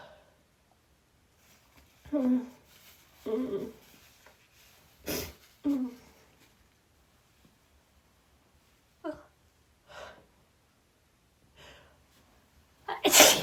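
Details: A run of short, sharp sneezes from a female with brief gasping breaths and false starts between, in a quiet room, while trying chhinkni for the first time.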